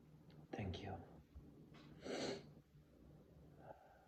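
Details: Sneezes, some stifled, some half-stifled and some not stifled: one partly stifled sneeze and one fuller burst in a quiet room.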